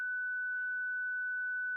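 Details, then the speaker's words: Zenix defibrillator/monitor with internal paddles (spoons) pressed together, giving a steady high pure tone with faint voices while delivering a 30 J self-test via the handle discharge button; instructional training demonstration, not a patient. "Provider one presses and holds the discharge button on the Apex handle until Xenox delivers the selected energy. A 30J self- test passed message appears"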